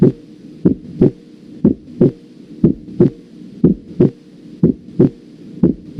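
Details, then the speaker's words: Second heart sound (S2), heard with the stethoscope diaphragm and loudest at the aortic and pulmonary areas: regular paired heart sounds at about 60 beats a minute, with a crisp second sound in each cycle. "a continuación escucharemos el segundo ruido cardíaco que tiene mayor intensidad en los focos aórtico y pulmonar y se escucha también con el diafragma del estetoscopio"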